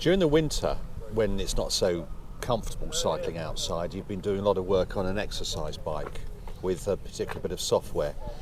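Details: Adult male speaker; Typical speech.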